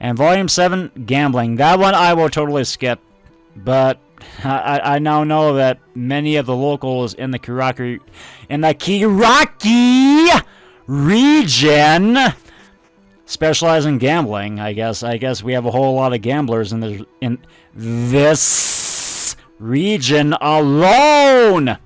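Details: Adult male speaker narrating over background music; stuttering.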